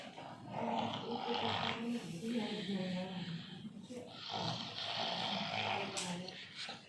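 Loud, rough, rattling snoring breaths, a sign of partial upper airway obstruction.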